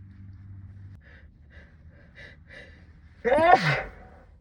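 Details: Partly muffled sneeze into sleeve after quick catching breaths, part of a sixteen-minute sneezing fit brought on by cold weather; sneeze.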